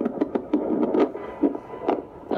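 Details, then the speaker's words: Fetal heartbeat at about 38–39 weeks of pregnancy, found with a Doppler at a prenatal doctor's visit: rapid whooshing pulses with faint background music; mother's blood pressure reported as good. "Thank You Mia for help in so so far everything's going good with the baby you heard the baby's heartbeat pressure and everything is good"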